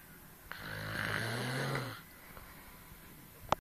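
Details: Adult woman snoring in sleep, though she claims she doesn't snore: a single buzzing, vibrating snore on an in-breath lasting about 1.5 seconds, then quiet breathing.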